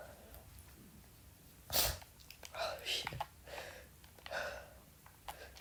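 A sharp sneeze, then breathy aftersounds and muffled sighs in a quiet room. Sneezing.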